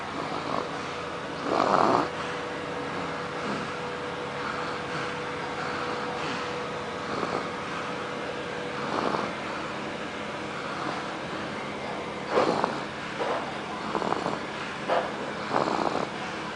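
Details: Irregular rattling snores recurring during sleep over steady room noise and a faint electrical hum: snoring.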